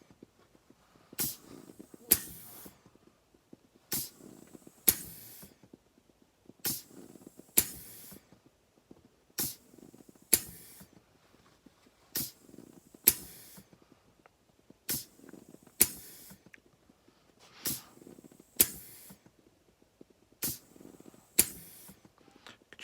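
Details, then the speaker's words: Prototype pneumatic-assist, Ambu-bag-based ventilator in volume control mode, set to 400 cc tidal volume at 22 breaths per minute: regular paired hissing bursts with sharp valve clicks. "Here's our ventilator operating in volume control mode. We currently have it set at 400 cc's with a 22 breaths per minute respiratory rate."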